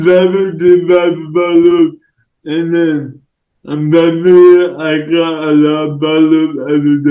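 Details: Speech of a male influencer with cerebral palsy, possibly dysarthric; no specific speech disorder is named.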